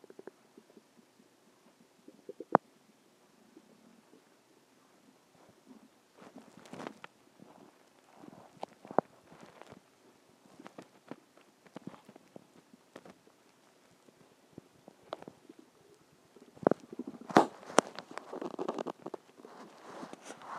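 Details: Irregular gurgling and rumbling bursts from the belly as gas and fluid move through the gut; stomach growling (borborygmi).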